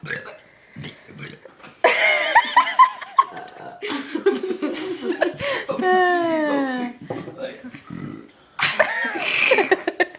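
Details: Loud, long voiced belches, several in a row with laughter and talk between, from a boy deliberately burping repeatedly.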